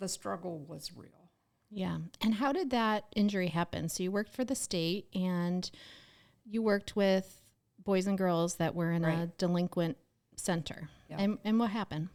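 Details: Adult woman speaking; Normal speech.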